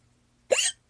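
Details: One sudden, sharp hiccup with a quick gulping onset in a quiet room; hiccups.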